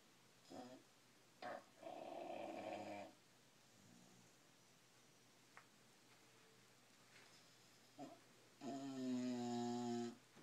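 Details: Bulldog snoring loudly in sleep: loud, vibrating snores with short snorts in between, noisy flat-faced breathing.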